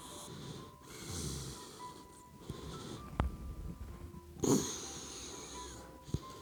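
Soft, slow snoring breaths with a few snorts from a sleeping puppy, heard under background music.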